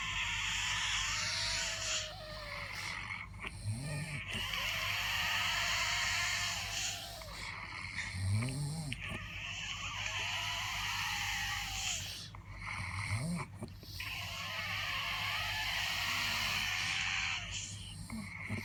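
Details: Real, unstaged daytime nap of a person with sleep apnea: loud, irregular snoring with snorting gasps about 12 per minute, heavy breathing and apnea pauses; snoring with obstructive sleep apnea.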